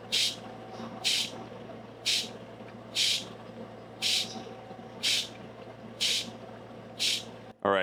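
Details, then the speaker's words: Oxygen concentrator humidifier bottle with tubing deliberately kinked to simulate pressure build-up: regular short hissing bursts about once a second over a faint hum as the pressure relief valve vents. "So, as you can see, the pressure valve, you could hear it releasing the builtup pressure with inside that bottle once our tubing was kinkedked."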